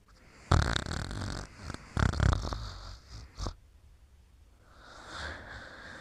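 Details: Mimi at bedtime, asleep: two low, rumbling snorting snores with quieter breath sounds between them; snoring.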